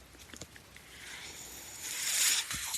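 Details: Soft airy hiss with a few faint clicks swells into a loud rush of air, then drops off: one breath cycle of a man's own mechanical ventilator, heard while he talks.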